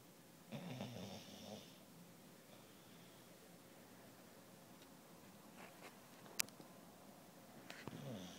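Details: Two fluttering snores, roughly seven seconds apart, with quiet room noise and a sharp click between them; ordinary snoring.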